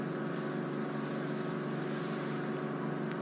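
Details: Endoscopic ear microsuction by a registered nurse on an adult male patient: a steady, loud suction roar with a low hum as a hard wax plug is pulled from the ear canal.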